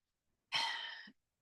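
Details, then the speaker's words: Cough from an adult recovering from a respiratory illness, on the last day of prednisone after finishing a Z-pack, with a still-scratchy voice and a lingering mild cough. "But like I said, I still have a little bit of a cough and a little bit of scratch."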